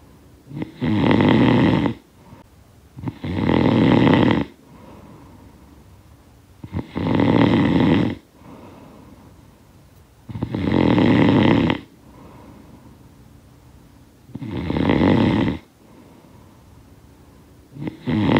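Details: Snoring sound-effect recording: loud, rough snores about every three and a half seconds, with quiet breathing between them; ordinary heavy snoring.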